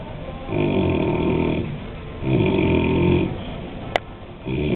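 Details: Afternoon nap of a group of men on a mission trip: two long, loud, rumbling snores on the breath in, separated by quieter breathing, with a brief click between; snoring.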